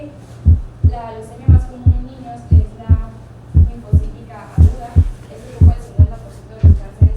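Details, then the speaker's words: Regular heartbeat near 58/min heard between the apex and the sternum: the first sound has two close components of roughly equal intensity; normal split first heart sound. "en algún sitio entre la punta y el esternón pueden reconocerse dos componentes de intensidad aproximadamente igual."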